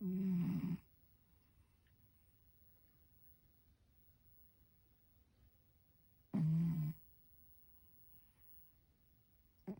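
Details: Sleeping cat: two short, low, buzzing snores about six seconds apart in a quiet room, roughly ten breaths a minute; snoring.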